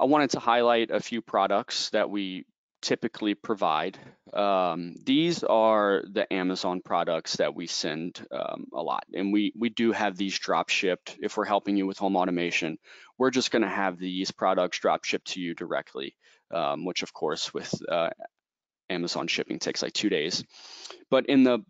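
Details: Adult man speaking; ordinary speech.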